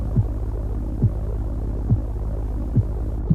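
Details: Normal heartbeat (lub-dub).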